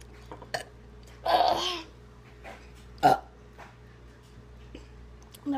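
A long, drawn-out burp, then a second shorter burp, with faint voices and room hum in the background.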